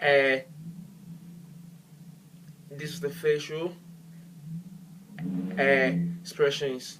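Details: Adult man who stammers, with particular difficulty on words beginning with "e".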